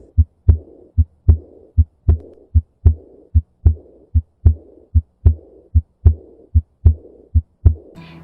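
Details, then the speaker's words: Heart auscultation teaching recording, timed to the carotid upstroke to identify S1 and S2: regular heartbeat at about 75 a minute with a soft rushing murmur after the second sound, a diastolic murmur. "in this case the crowded up stroke is felt here then this would be s1 and this s2 making this a diastolic murmur"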